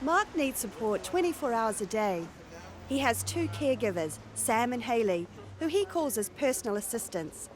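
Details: Adult female narrator; normal speech.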